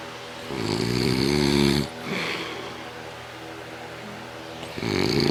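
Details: Very loud snoring from a sleeping father; rough, rattling snores on breathing in, with quieter breathing between.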